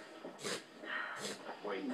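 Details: 10-week-old puppy reverse sneezing: quick, repeated snorting inward pulls of air.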